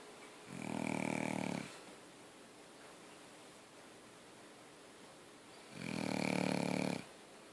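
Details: Snoring: two long, buzzing snores about five seconds apart with quiet breathing between.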